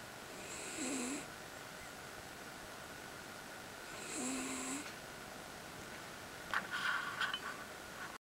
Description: Miniature Schnauzer Suga Snores